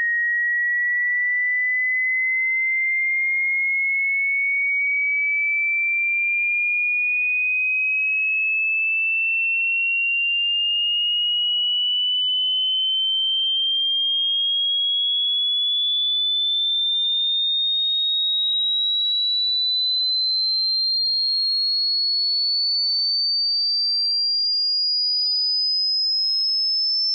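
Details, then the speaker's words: Single pure tone gliding slowly and steadily upward from a high whistle to a higher one at near-audible volume, part of a 60-second sweep for tinnitus pitch matching. "así que mantengan el volumen ajustado para que el sonido sea casi audible y durante los próximos 60 segundos escucharán. el sonido más bajo que el oído humano puede escuchar hasta su tono más alto"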